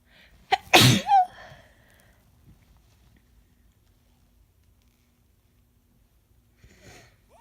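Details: A single sharp natural sneeze preceded by a quick catch of breath, then quiet; adult with an end-of-summer common cold.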